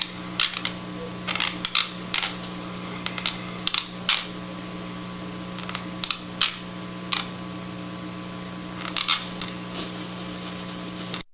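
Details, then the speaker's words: Stressed person grinding teeth during sleep at night (bruxism), fairly loud: irregular sharp gritty clicks and brief scraping bursts over a steady hum. "Itu bukan suara kecoa ya, bukan suara kecoa, bukan suara tikus. Tapi suara gigi dia beradu. Suara giginya beradu pada saat malam. Oleh karena dia stres."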